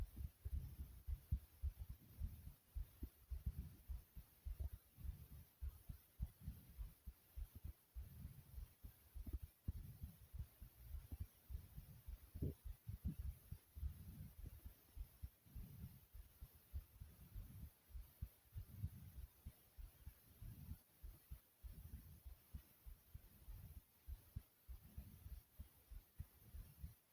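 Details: Person's own heartbeat recorded through the chest, described as soft and quick: low thumps, roughly 100 beats per minute; rapid heartbeat.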